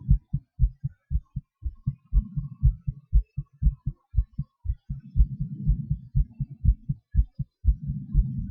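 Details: Self-recorded own heartbeat during breath-holds and panting (hyperventilation): regular low beats roughly 60 to 70 a minute, speeding up and slowing down over the clip; normal heart sounds with rate changes.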